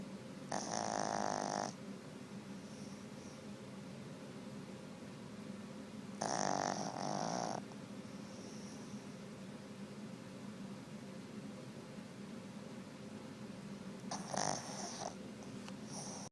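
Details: Three loud, rattling snores several seconds apart, with quieter breathing between, from a Boston Terrier dog lying asleep on its owner's lap; snoring.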